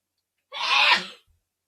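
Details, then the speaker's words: An adult sneezes once during a live coffeehouse music event: a sharp, hissing burst under a second, trailing off in a quiet room, making nearby guitars resonate; sneeze. "Did you hear the guitars resonate when you sneezed?"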